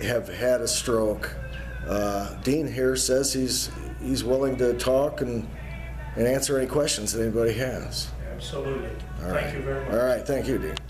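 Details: Adult male speaker; no speech disorder.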